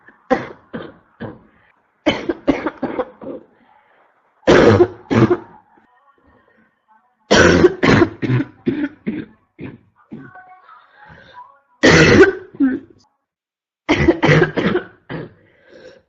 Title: constant barking cough 3 (f)